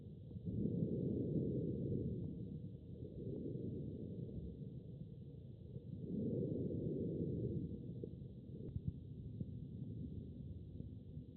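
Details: Normal human lung sound: soft, low rushing breath sounds in slow cycles with a faint steady hiss; normal vesicular breathing.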